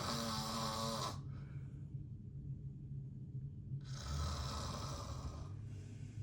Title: FILMING MY DAD SNORING UP CLOSE (REQUESTED BY FANS) Enjoy !